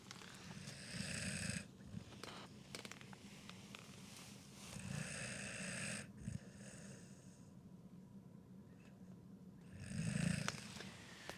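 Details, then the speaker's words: Dog asleep in an inflatable tent during a winter snow blizzard, giving low, rumbling, very loud snore bursts every few seconds against steady wind noise: snoring. "He's really snoring now. It's very loud."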